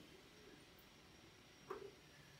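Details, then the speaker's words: Needle EMG of the right extensor digitorum in a female volunteer with her hand at rest and her muscles relaxed: a quiet signal showing the electrical silence of resting muscle. "you will see while her hand is at rest and while her muscles are relaxed and still we have a quiet electrical signal"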